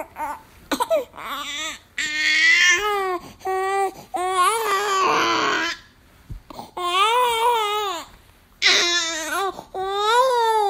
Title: Baby Crying Sounds Noises | Film & Sound Effects